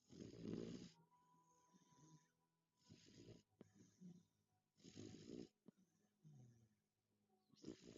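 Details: Beagle snoring in sleep: rhythmic rattling snores on each in-breath with softer whistling out-breaths, about 25 breaths a minute; snoring.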